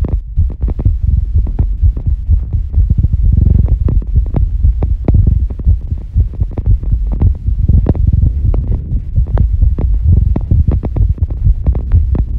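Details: Female heartbeat after squats: fast, regular low thumps at roughly 125 beats a minute, a normal heart rate raised by exercise and settling during recovery.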